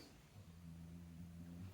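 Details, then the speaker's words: Dog snoring while asleep: soft, low, drawn-out rumbling snore against faint room noise. "The dog's snoring. I don't know if you can hear him. It's hilarious, isn't it?"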